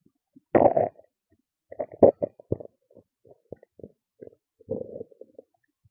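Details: Loud stomach growls and gurgles: loud gurgles, squelches and short rumbling bursts at irregular intervals; ordinary borborygmi from gas and fluid moving through the gut.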